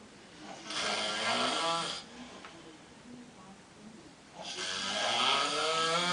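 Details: Drunk man snoring in the bathroom: two loud, harsh snoring breaths with a pause between them, echoing in a small room.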